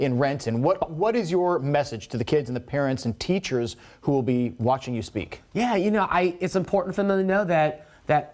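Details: Adult interviewer; typical speech.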